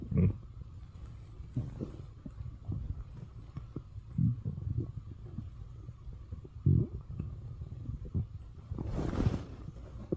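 Low rumbling and gurgling bursts coming at irregular intervals, with a longer gurgle near the end: ordinary stomach growling (borborygmi).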